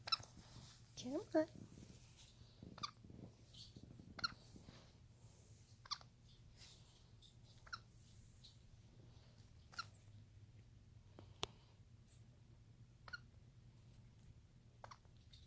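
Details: Baby capuchin monkey, just starting to become mobile and mouth things, with hiccups: soft sharp clicks about every one to two seconds, roughly eight in fifteen seconds.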